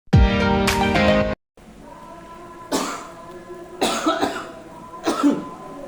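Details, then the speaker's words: Simulated scene on cough etiquette: three separate harsh cough bursts in a quiet room after a brief music opening, from a man described as coughing every day; coughing. "tapi batuk-batuk terus setiap hari ini kenapa sih Bapak itu batuk-batuk terus aduh pak kalau batuk jangan kayak gitu nanti kuman bisa menyebar ke mana-mana"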